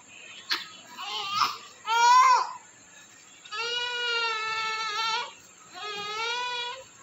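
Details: Male newborn delivered by LSCS with birth hypoxia, no cry for 20 minutes, given CPR, bag ventilation and ventilator, now recovering, feeding, weak reflexes, mild infection; short, fairly weak cries with brief pauses; newborn cry after birth asphyxia.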